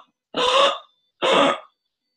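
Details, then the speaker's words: An adult imitates stridor, the noisy breathing suspected in a child with a congenital airway problem: two harsh, noisy breath sounds. "so noisy breathing would be in the form of Strider which is something like"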